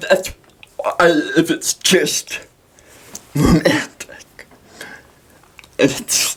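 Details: Dysarthria in a 23-year-old man with cerebral palsy.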